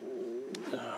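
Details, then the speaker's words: Soft, wavering, tone-like stomach gurgling with a brief click from an adult around dinner time; ordinary hunger borborygmi. "yeah if you can hear my stomach gurgling away dinner time"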